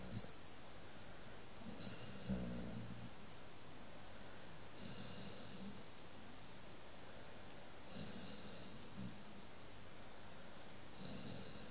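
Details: Sleeping dog snoring after a good brush: soft, irregular low rumbles with airy snorts, about 20 breaths a minute, over faint steady room noise.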